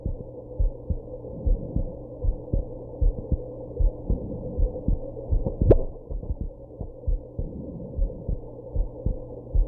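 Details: Heartbeat after drinking alcohol and smoking: steady low thumps at about 77 a minute, one sharper jolt midway fitting a hiccup, over a faint hum.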